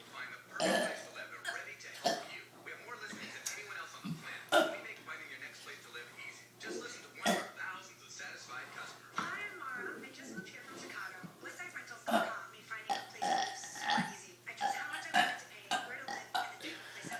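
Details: Deliberate burping contest between two people at breakfast: several loud, intentional belches mixed with talking and laughter in a small room.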